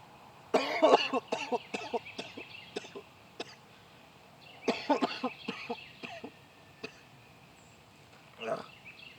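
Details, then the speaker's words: Adult vlogger with a lingering cough after a throat illness, no fever, nothing else wrong: two bursts of several loose, wet coughs with a later throat clear; productive cough bringing up mucus. "but yeah like what's weird is there was literally nothing else wrong with me besides that cough okay I'm not wearing a temperature of any kind I'm not sick"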